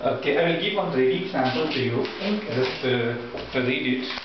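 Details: Adult male speaker; typical adult voice.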